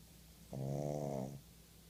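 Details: A very tired pug asleep: a single drawn-out, buzzing, rumbling snore with steady low room hum behind; snoring.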